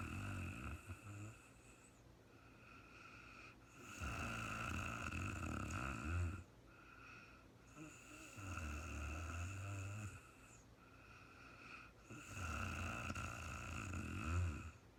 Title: real time sleeping woman snoring no talking REM Anxiety relief return of beauty